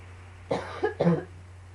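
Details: Two to three short, throaty coughs close together over a low room hum, during a coughing fit combined with allergies; cough.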